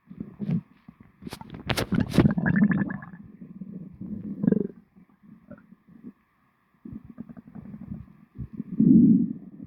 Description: my stomach sounded very weird after my lunch sobi recorded it